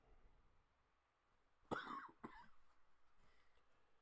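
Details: Adult with runny nose, itchy throat, stuffiness and sneezing, considering Benadryl for allergy; two short, loose coughs in a quiet room.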